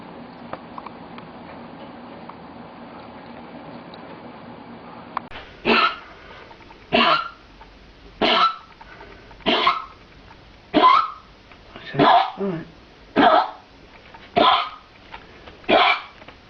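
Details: Dog giving a run of nine harsh, hacking coughs in quick succession; signs of kennel cough (canine infectious tracheobronchitis).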